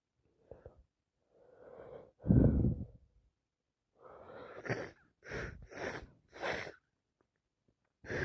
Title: Part 3 allergies and cold non stop sneezing, sit with me as I sneeze 🤧